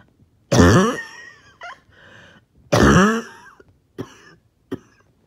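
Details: Two harsh, strained coughs with rough trailing breaths and short catches: coughing with trouble breathing after a 20-minute workout / morning walk.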